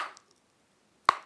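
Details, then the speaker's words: Young woman with Tourette syndrome describes a teeth-clacking motor tic done forcefully to reach a satisfying sensation; a single sharp, forceful teeth clack follows brief speech. "Quand je fais un tic, l'importance que ça a, c'est que ça atteigne une certaine sensation, tu sais. Mettons, en claquant des dents,"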